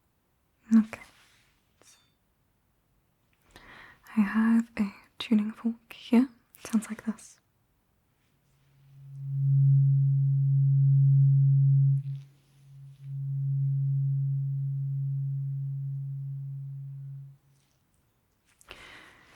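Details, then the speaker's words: Simulated cranial nerve exam hearing test in an ASMR roleplay, with soft murmured speech, then two steady low pure hums from a struck tuning fork, slowly fading: tuning fork tone. "I just want you to tell me when you can hear the tuning fork."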